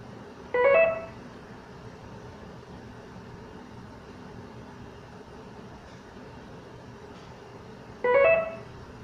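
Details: Intravenous infusion pump alert tone: two short melodic electronic chimes about seven seconds apart over quiet room hum.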